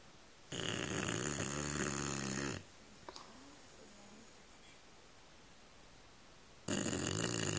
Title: Bulldog snoring